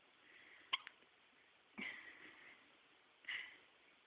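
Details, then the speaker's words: Baby with hiccups: three short, abrupt hiccups about a second apart, with faint room noise; hiccups. "Hey, little hiccupy baby. You got the hiccups. Yes, you do. You got the hiccups. You need to stop having hiccups."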